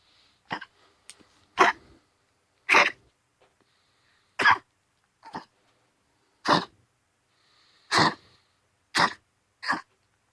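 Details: Pomeranian with a 10-day persistent cough all day, vets ruled out heart disease, pneumonia, tracheal collapse and likely kennel cough; about nine short, dry, hacking coughs in quick succession; on Benadryl, hydrocodone/homatropine syrup, doxycycline.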